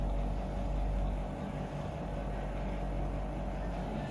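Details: Steady low motor rumble of a suction machine running during a suctioning demonstration on a preoxygenated patient, after about three catheter passes; secretions had no clots; no clear gurgling or distinct passes heard.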